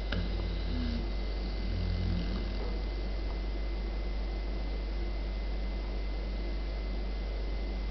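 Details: Two low, buzzy snores, then quiet steady background hum, from a German Pointer puppy sleeping in her bed.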